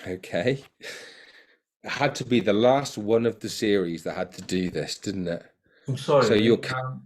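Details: Adult man; Plain speech.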